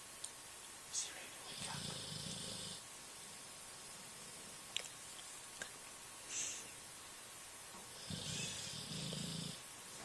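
Two soft, rumbling snores several seconds apart over steady room hiss, with a few faint clicks: gentle snoring in sleep.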